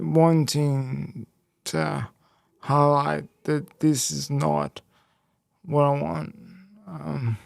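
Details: Male who had a haemorrhagic stroke at age 12 affecting the left brain and right body, followed by a five-week induced coma, with speech most affected and relearned and slower information processing; speech impairment after stroke.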